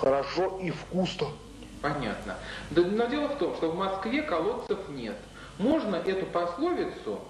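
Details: Adult interviewer speaking Russian; normal speech.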